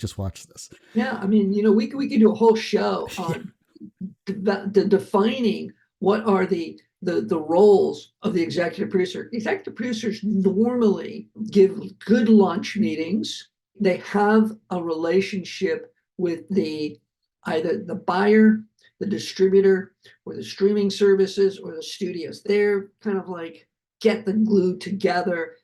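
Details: Adult male heart attack survivor with aphasia, who says his aphasia is kicking in during his speech; repeated words; aphasia.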